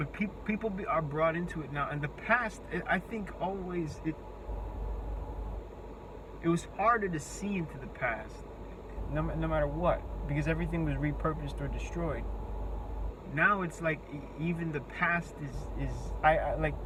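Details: Disfluent speech with word repetitions and restarts in an adult with a self-reported speech impediment. Their words break down completely when speaking face to face, forcing breaks.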